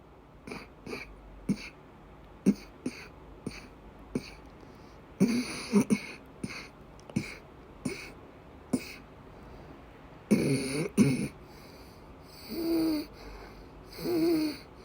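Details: Woman with persistent asthma attacks and a migraine-cluster headache complex, coughing and vomiting: repeated short coughs and harsh cough bursts with strained, moaning breaths in a small room. Persistent coughing during an asthma attack.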